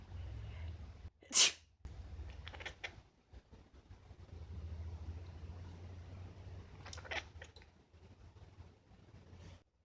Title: Anche i gatti fanno "quack" || My cat quacks when i sneeze.